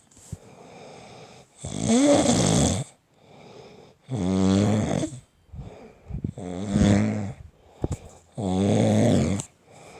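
Deep, rattling snores on each breath, about 26 a minute and somewhat irregular, with quieter breathing between them in a small room.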